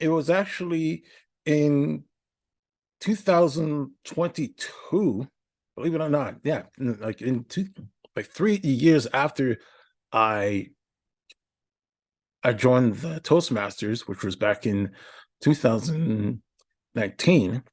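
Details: Adult man with a speech impediment for about a decade, noticed by his family, treated at the Institute for Stuttering Treatment and Research; his therapist noted incorrect breathing patterns, and he is possibly worse when nervous or stressed: stuttering (disfluent speech).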